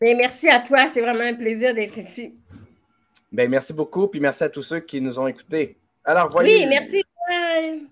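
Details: Adult speaker, French; Typical speech.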